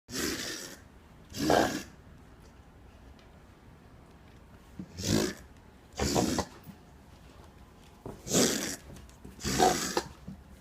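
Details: Dog with a weird, abnormal cough: six harsh, honking cough-like bursts in pairs across about ten seconds.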